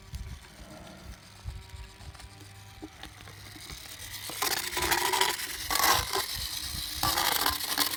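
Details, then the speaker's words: Handheld Dremel rotational power float filing sharp points off the molars of a 15+ year old mule, teeth not done in a long time; bursts of high-pitched grinding over scraping, rattling background; motorized equine dental float. "so we have this handheld Dremel um rotational float and that's how we're going to fix up Howdy's mouth"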